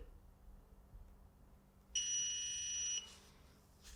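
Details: Training demonstration of CPR and AED use on a cardiac arrest casualty: a steady high electronic tone of about one second sounds from the AED just after a shock is delivered, before the prompt to begin CPR.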